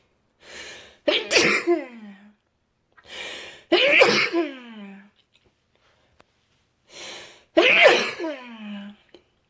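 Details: Three intense sneezes from someone who went home sick with a cold, each a quick inward breath then an explosive burst trailing into a voiced tail; sneezing with a cold.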